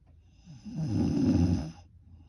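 A single loud, low, rattling snore on one breath in, rising and fading over about a second.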